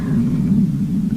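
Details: Woman's stomach growling during a tarot reading, attributed to hunger: a steady, low, drawn-out rumble lasting about a second.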